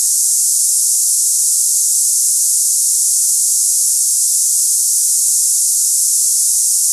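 A steady, high-pitched hiss like cicadas, with no low sounds. It is a simulation of hissing-type tinnitus.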